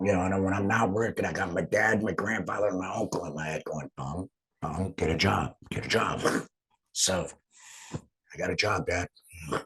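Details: Real adult laryngectomee speaking after total laryngectomy, now back at work. The finding is alaryngeal speech after total laryngectomy.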